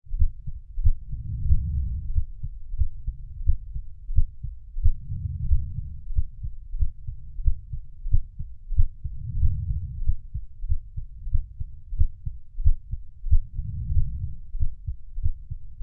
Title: Heartbeat Sounds for Sleep - 30 minutes